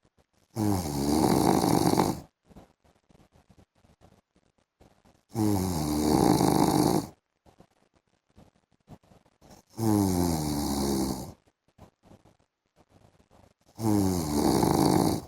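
Loud, buzzing snores about every four seconds, roughly 14 breaths a minute, with quiet gaps between; snoring.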